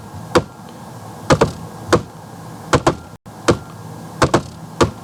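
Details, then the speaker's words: Simulated S4 gallop played slowly, with an extra sound just before S1 and S2, the fourth heart sound linked to hypertension. "Now, let's go with the abnormal. As you hear, one comes before S1 and S2."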